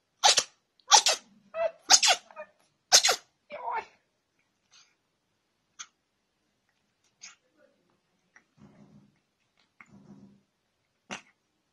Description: Cute and funny sneezing cats. Sneezing cats sneeze like people. Adorable fluffy sneezing cats.